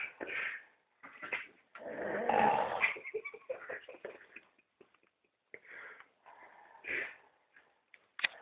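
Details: A man snoring while asleep on a 2009 rugby club tour in Italy.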